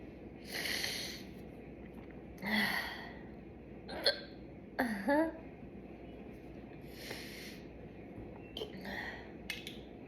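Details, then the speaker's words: A young woman's repeated short, sudden gulping hiccups at irregular intervals, some with a small voiced squeak, after chugging soda, in a quiet room; one was like a yawn combined with a hiccup. "That was like a yawn combined with a hiccup."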